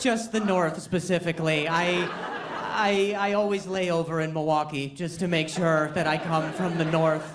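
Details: Adult male speaker; normal speech.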